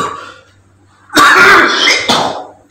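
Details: Participant during a mesmerism therapy session has a strong reaction: a harsh, forceful cough with gagging, retching quality, then a second short burst; coughing and nausea stopped the session.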